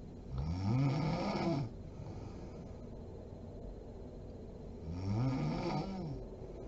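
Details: Two deep, low rattling snores on the in-breath, each over a second long, from a sleeping adult woman (mom), with quiet breathing between; snoring.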